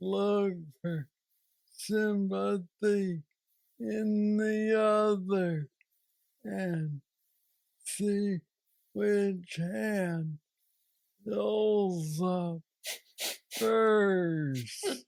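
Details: Hypokinetic dysarthria (Parkinsonian speech) in a man diagnosed with Parkinson's disease at age 35, now 46, who says he has the most aggressive form; he has a deep brain stimulation implant.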